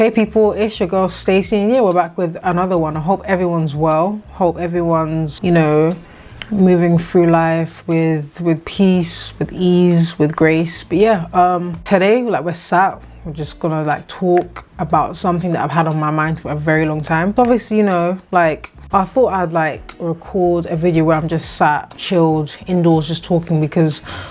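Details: 26-year-old woman with a stammer for as long as she remembers, previously in speech therapy, more prominent here because she is tired after poor sleep; stuttering.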